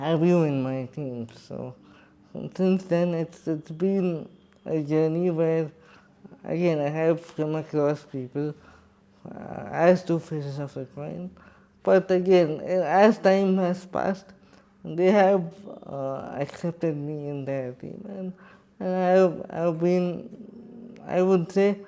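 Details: Adult man with cerebral palsy who describes himself as quadriplegic, speaking in his own voice in an interview; dysarthria (cerebral palsy).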